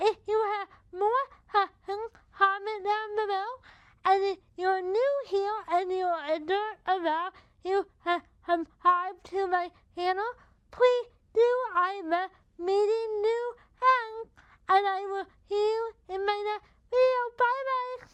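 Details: Dysarthria in a woman with cerebral palsy affecting her body muscles, including those of the mouth, making talking effortful.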